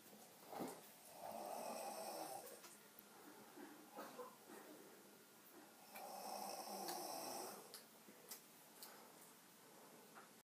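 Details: Person sound asleep, snoring: two long, buzzing snores on the in-breath about five seconds apart, roughly 12 breaths a minute, with quieter breathing between.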